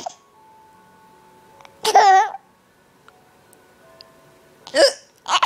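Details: Mother and daughter hiccuping together: two abrupt voiced hiccups a few seconds apart, each a sudden catch of breath with a short vocal squeak.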